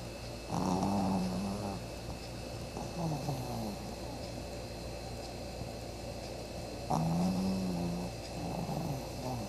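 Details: Loud snoring during sleep: slow, repeated low rumbling breaths with a groaning tone, about two breath cycles over ten seconds.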